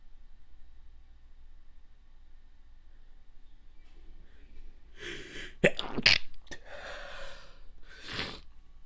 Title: Wet Stifled Sneezes